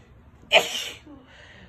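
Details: Female with allergies, uncontrollable sneezing: a single sharp, explosive sneeze preceded by a quick intake, then quiet; allergy sneeze.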